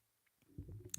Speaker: That's my belly gurgling. I don't know if you'll heard that. My belly is like, I want to be involved in the ASMR, too.